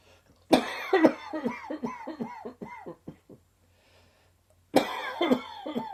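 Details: An adult's harsh coughing fit of short, rapid bursts that taper off, then another cough begins; a sudden dry summer cough.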